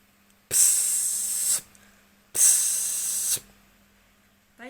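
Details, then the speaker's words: Suction pump during nasal suctioning of a child in a nursing practical on nebulizing, chest physiotherapy and suctioning: two bursts of loud hissing suction, about a second each, separated by quiet. "Bu, tindakannya untuk penghisapannya sudah selesai. Sekarang saya akan merapikan kembali selangnya ke jalur suction pump, alat suction pump."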